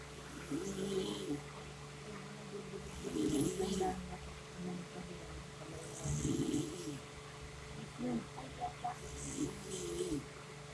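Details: Mother's snoring with rumbling snores about every three seconds, irritating her 4-day-old newborn; faint infant noises and a steady hum in the background.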